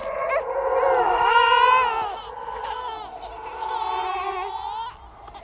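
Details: Horror sound-effect track, not a real baby: high, wavering wails with a thin, eerie edge, like an infant crying; a ghost-baby imitation of an infant cry.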